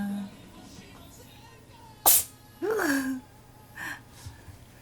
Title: 【猫がくしゃみした後】 Gesture after the cat has been sneezing